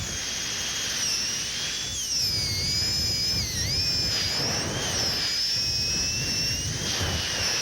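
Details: Continuous high-pitched whine of a high-speed dental handpiece, pitch dipping slightly, as a diamond bur cuts lingual finishing line on a typodont maxillary second premolar for a porcelain-fused-to-gold veneer.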